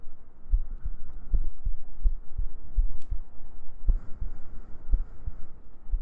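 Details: ASMR sleep-aid heartbeat recording with gentle breathing and humming: soft steady paired thumps about 75 beats a minute over a low hum, a normal heartbeat.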